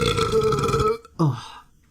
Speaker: That was seriously impressive. You just like You just You just like You just swallowed air and then you spit it out basically.